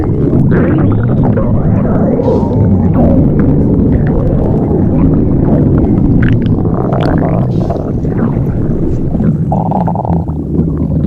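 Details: Stomach growling (borborygmi): loud, continuous low rumbling and gurgling with some higher squeaky, gliding tones.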